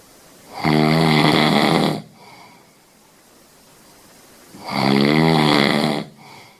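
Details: Sleeping Scottish Fold cat snoring: two loud, long buzzing snores about four seconds apart, with quiet breathing between.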